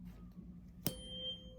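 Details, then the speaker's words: Simulated ASMR medical roleplay exam of a patient feeling unwell with headache and possible fever: a sharp strike then clear fading ring of a tuning fork during a bedside hearing test. "Let's test your hearing, shall we? Do you hear that? Tell me when it stops."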